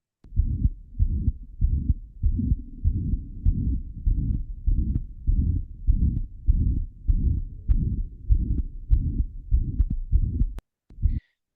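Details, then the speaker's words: Ejection systolic murmur at the aortic area in aortic valve stenosis, described as able to radiate bilaterally to the carotids and neck, and also toward the apex. "Porque como yo les había dicho en estenosis valvular aórtica podía irradiar a carótidas, a cuello de manera bilateral."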